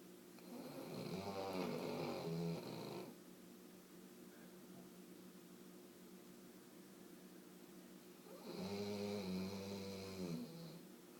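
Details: Sleeping dog snoring loudly: two long, rattling, buzzy breaths about eight seconds apart, quiet pause between, steady room hum.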